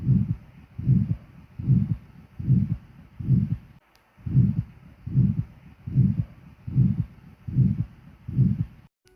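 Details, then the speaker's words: Regular heartbeat near 75 a minute with a harsh crescendo ejection systolic murmur of aortic stenosis, best heard in the aortic area, radiating to the carotids. "on auscultation you will have an ejection systolic murmur which is best heard in aortic area radiating to carotids with same intensity let's see how you would hear this murmur in patience during cardiovascular examination"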